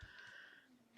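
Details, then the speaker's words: Sleeping dog with arthritis, on gabapentin, tramadol and anti-arthritis medication, in a quiet room: a faint whistling nasal breath with a soft snort at the start; snoring. "my dog is snoring I don't know if you can hear him or not"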